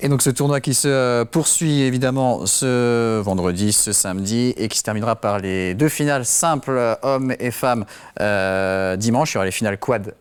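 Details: Adult male speaker; normal speech.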